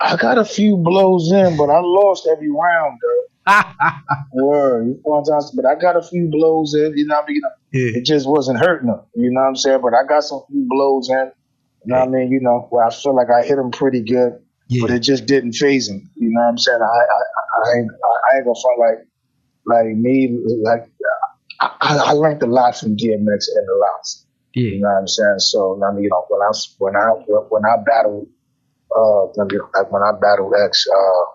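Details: Adult male rapper with self-described bad stuttering running in both sides of his family (father, maternal grandfather), affecting conversation but not rapping; stuttering with word repetitions.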